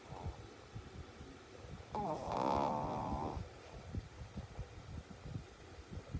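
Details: Shih tzu dog snoring: one rattling, buzzing snore against rapid snuffly breathing and room noise.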